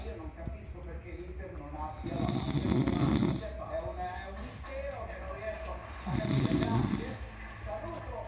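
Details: Man snoring like a pig: two loud, rattling, grunting snores about four seconds apart over background room noise and faint talk.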